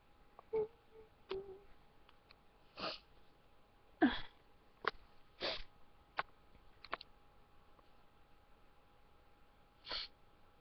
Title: Trying to hold back sneezing!